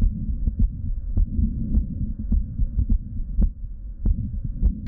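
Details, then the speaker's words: Heart murmur in a female patient with diagnosed diastolic dysfunction: fast heartbeat near 100 a minute with a continuous whooshing, turbulent murmur blurring the heart sounds; a fourth heart sound is described. "so listening to cinnamons heart so you can actually hear there is an audible murmur"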